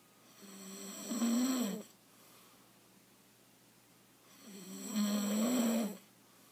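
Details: Husband's heavy snoring, getting progressively worse: two loud rough snores, each on a long inspiration, with quiet pauses between.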